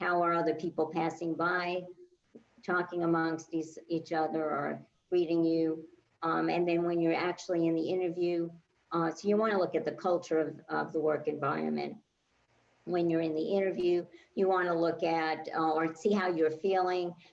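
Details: Adult woman speaking; no speech disorder.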